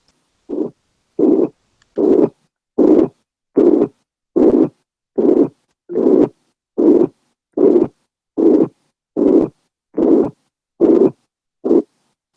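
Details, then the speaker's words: Pansystolic murmur from mitral or tricuspid regurgitation or ventricular septal defect, heard at the mitral/tricuspid focus: a loud, uniform, high-pitched, bar-shaped murmur filling each systole at about 75/min that masks S1, leaving only murmur and S2. "es fuerte y uniforme de intensidad del tono es alto pero este entonces va a tapar ese uno o sea no respeta ese uno"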